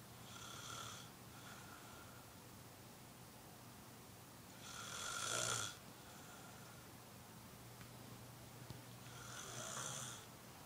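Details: Soft whistling, fluttering breaths recurring every four to five seconds over low room hum; quiet snoring.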